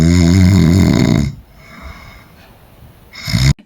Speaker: When we sleep, some people snore when they sleep. Snoring, this is the sound of snoring coming from your nose.